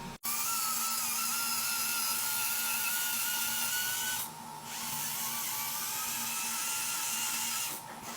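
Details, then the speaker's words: Slow-speed handpiece with prophy angle during coronal polishing of a patient's lingual tooth surfaces, in dental assistant training: steady high-pitched motor whine with a brief pause, light intermittent 1–3 second swipes per tooth. "I start the machine and it's the same light intermittent swipe to cover the tooth. I'm not staying on the tooth more than one to 3 seconds."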